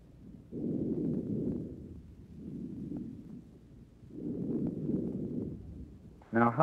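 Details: Soft, even rushing breath sounds over the lung through a stethoscope, about 16 a minute, no crackles or wheeze, in a patient awaiting heart surgery without pneumonia: normal breath sounds.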